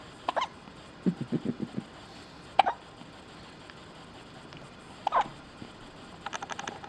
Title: gets the hiccups